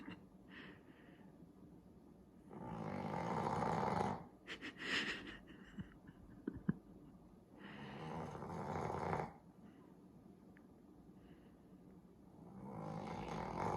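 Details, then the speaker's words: Snoring in two sleeping Boston Terrier puppies, especially Justice: loud, rough, chainsaw-like snoring on in-breaths, about four breaths a minute, with quiet pauses and small snorts between. "And they are snoring up a storm. And this is like so funny. They snore like a chainsaw, especially Justice."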